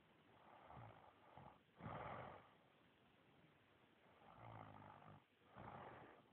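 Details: Rough, rattling breathing sounds recur with each breath over a noisy background, consistent with snoring.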